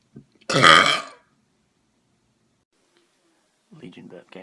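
A single loud, drawn-out belch lasting about half a second, followed by silence and brief faint talk: burping.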